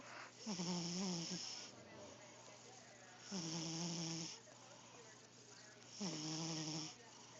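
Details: A sleeping cat snoring: three slow, rattling snores with a raspy, whistling edge, about 22 breaths a minute.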